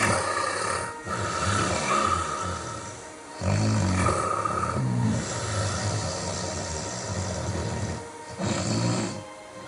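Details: Recorded snoring of an adult studio guest whose body build is presented as typical of a snorer, with mention of hypertension and breathing pauses: loud, coarse, rumbling snores in long, drawn-out breaths.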